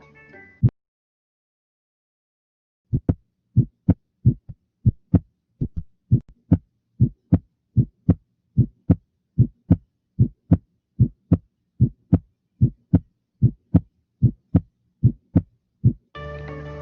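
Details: Physiological splitting of the second heart sound.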